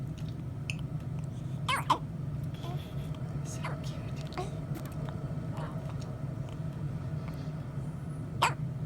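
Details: Girl 3 days old, born 5 weeks early, just off CPAP and breathing on her own: quiet room with a few brief, soft hiccup jerks; newborn hiccups.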